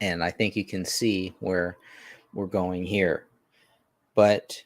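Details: Stuttering in a male podcast host who says he has a stutter he has tried to overcome and that doing shows like this helps him overcome it.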